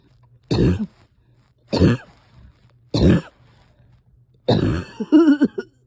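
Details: Person having a hard time resting or getting comfortable: four harsh coughs about a second apart, the last trailing into a strained, noisy breath, in a quiet room; cough with laboured breathing.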